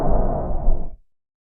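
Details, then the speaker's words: Simulated normal bronchial breath sound over the bronchi: a harsh, hollow breath noise less intense than tracheal sound, with inspiration as long as expiration and a short pause between them. "agora vamos ouvir a representação do som brônquico é a divina projeção dos brônquios e eu sou um dele é menos intenso que o som traqueal e o tempo de inspiração é semelhante ao tempo de expiração e Acontece uma pequena pausa Entre esses dois tempos"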